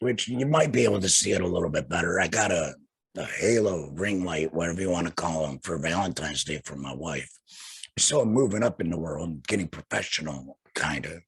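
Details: Adult male laryngectomee, total laryngectomy in 2020, speaking without a larynx; alaryngeal speech after total laryngectomy.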